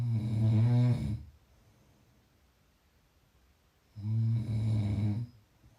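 Two loud, low, rattling snores on the in-breath, about three seconds apart, with quiet between; snoring in sleep.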